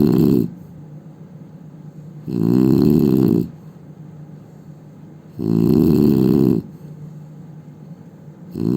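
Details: Indian man snoring: loud, low, rattling snores on each breath in, separated by quiet pauses, roughly 20 breaths a minute; heavy snoring.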